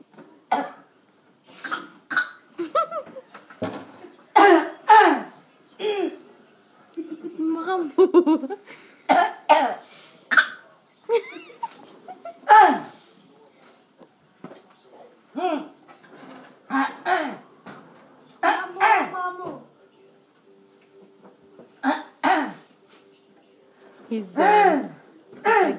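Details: Adult imitating another person's cough with repeated short, harsh, voiced bursts mixed with laughter-like sounds; imitated cough.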